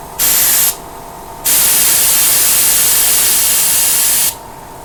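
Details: DIY oxygen concentrator with lithium zeolite, output purity up to 90% at 5 LPM, around 2.5 bar: loud hissing valve exhaust bursts, one short and one about three seconds, over steady compressor hum.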